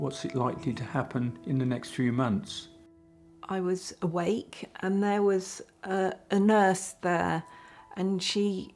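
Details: Woman with aphasia after a huge stroke about 9 years ago; she spent six months in hospital and at first could not speak at all; hesitations and fragmented phrasing; aphasia after stroke.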